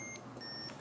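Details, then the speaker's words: Brief, soft, high electronic beep over quiet room noise from a Medtronic MiniMed 523 insulin pump, warning that insulin delivery is suspended. The user notes the alarm is not very loud. "so you can see it's suspended has a little Mark right here um show you that there's a little alarm that you're not getting insulin"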